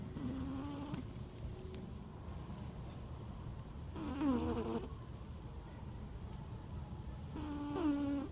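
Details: Sleeping pet cat with a loud snore makes soft, whistling snores about every three and a half seconds over room noise; snoring.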